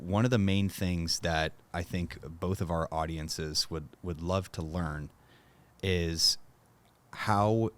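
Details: Adult male speaker; normal speech.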